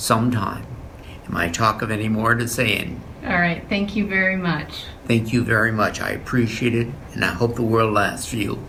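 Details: Fluent (Wernicke's) aphasia in a male stroke survivor; speech is fluent but hard to follow and lacks clear meaning.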